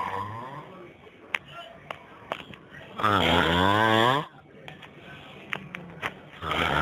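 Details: Snoring: a loud, rumbling, buzzing breath lasting about a second between quieter stretches with faint clicks.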